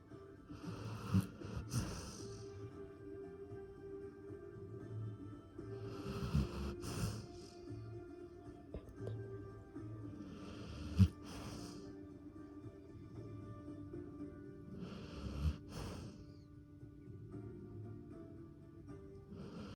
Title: 39.1 seconds of my dog snoring with his mouth open just enough to look a lil dumb.#funny #dog #memes